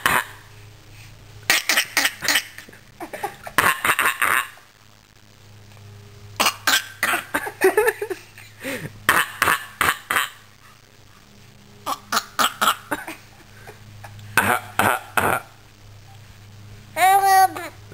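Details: Several clusters of short, dry coughs and throat-clearing, used to communicate, separated by pauses, in a quiet room with a low hum.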